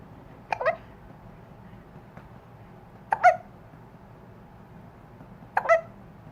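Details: Hiccups: three sharp, brief hiccup sounds about two and a half seconds apart in a quiet room.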